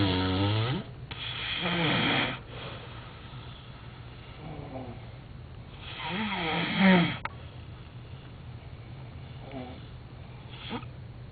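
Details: Loud, rough snoring with several rattling breaths, each followed by a quieter stretch of breathing.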